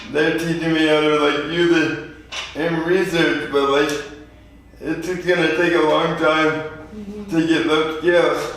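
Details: 24-year-old man with lifelong spastic quadriplegic cerebral palsy, born prematurely weighing 2 lb 4 oz; real patient; dysarthria (spastic, cerebral palsy).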